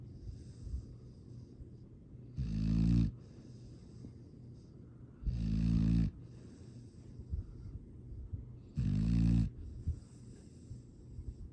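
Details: Sleeping foster rescue dog Astrid, recorded Dec 13 2022: three loud, low, rattling snores about 3 seconds apart, roughly 20/min, with quieter breathing between; ordinary dog snoring.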